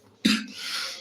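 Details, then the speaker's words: A single sharp cough from an adult woman while making samosas; she says she caught the cough after exposure to mist at a nearby festival. A fading hiss of room noise follows. "Sorry yes ചുമ പിടിച്ചു സംസാരിക്കുന്നവരെ എനിക്ക് ചുമയാണ്"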